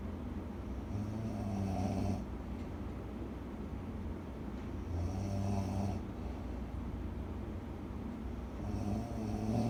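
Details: Person sleeping beside the recorder snoring loudly: slow, repeated low rumbling snores, about three breaths in ten seconds, over steady room noise; snoring.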